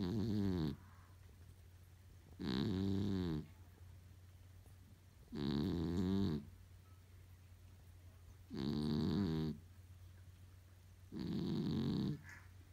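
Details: Small cat, Spotje, sleeping through her birthday and snoring quite loudly for such a little cat.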